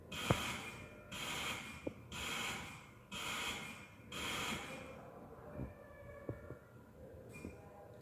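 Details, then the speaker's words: Hamilton ICU ventilator flow sensor calibration, circuit disconnected as screen instructs: regular bursts of rushing air about once a second, then quieter, with occasional clicks. "lalu tes dan ghalib yang pertama adalah full sensor tekan saja dia akan melakukan kalibrasi ini perintahnya disconnect ASEAN maka lepas sambungan"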